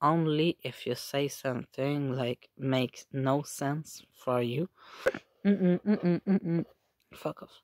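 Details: Person with Tourette syndrome with simple and complex tics, echolalia, palilalia and coprolalia, plus comorbid functional neurological disorder and OCD; involuntary swearing and repeated phrases; vocal tics with coprolalia (Tourette syndrome).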